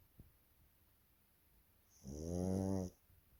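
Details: Sleeping female baby pug, a flat-faced puppy, snoring: a single rough, buzzing snore lasting about a second with a faint high whistle.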